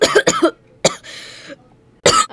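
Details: A person coughs while talking to the camera.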